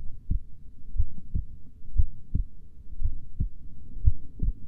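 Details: Slow heartbeat: deep, evenly spaced lub-dub thumps at about 60 beats a minute; a slow, steady heartbeat.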